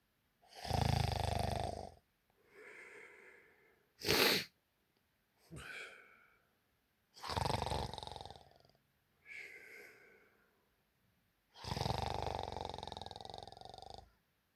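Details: Realistic human snoring during heavy sleep: loud rasping snores on the in-breath alternating with softer breathy out-breaths, about 18 breaths a minute.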